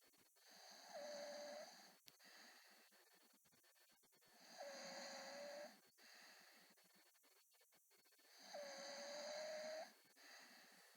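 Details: A man snoring with squeaky, high-pitched snores on each breath, about 15 breaths a minute, over steady room noise.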